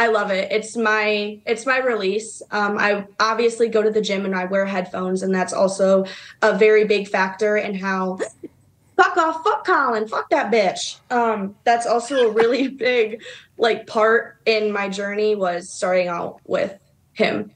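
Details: Adult woman who says she has a rare form of Tourette syndrome; a vocal tic interrupts her sentence, with repeated obscene outbursts at the interviewer; vocal tics with coprolalia (Tourette syndrome).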